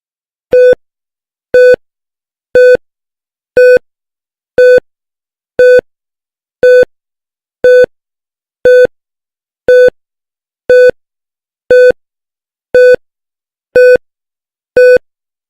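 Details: Simulated cardiac monitor sound effect: steady beeps about once a second, about 60 a minute, a normal heart rate, before the effect moves on to a faster rate, cardiac arrest and flatline.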